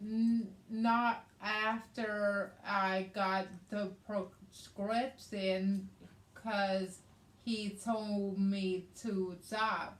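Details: Adult woman with aphasia and right-sided hemiparesis after a hemorrhagic stroke on May 19th 2020, treated with brain surgery and an ICU stay; aphasia also affects her reading and writing.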